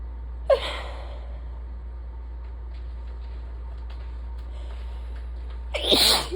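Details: Adult with days of stuffy nose, sore throat and chest symptoms waxing and waning with pollen, suspected allergies: a sharp sneeze, quiet pause with low room hum, then a second forceful sneeze during an allergy attack.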